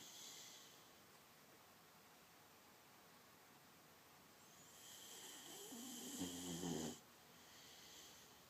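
Quiet noisy breathing with one louder, rougher snorting snore near the end; a sleeping dog snoring.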